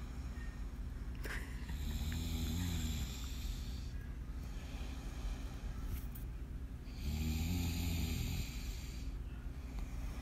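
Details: Man asleep while holding his phone, snoring: loud, low rattling snores on two slow breaths, deep vibrating rumbles with steady background hiss.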